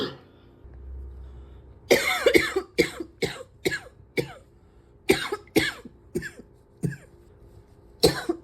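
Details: Coughing fit, barely able to take a breath without coughing for minutes afterwards: a rapid run of about eleven harsh coughs in eight seconds, with hardly a pause for breath.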